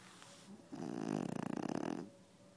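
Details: Sleeping French bulldog: one loud, rattling, fluttering snore on a single breath, rising and fading over about a second and a half; snoring.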